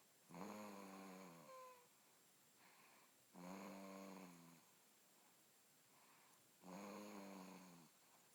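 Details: Very loud snoring in a sleeping female dog: buzzing snores on each inward breath, about 19 a minute, with softer outward breaths between.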